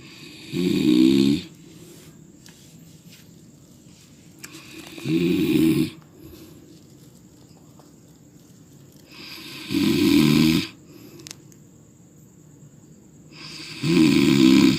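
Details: Person snoring: loud, rattling, slightly whistling snores about every four to five seconds, roughly 14 breaths a minute, over steady room hiss.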